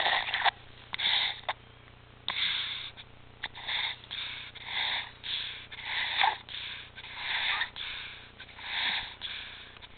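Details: Child with recurrent apnea, stridor and retractions, back on apnea and pulse-oximetry monitors after two good months: stridor.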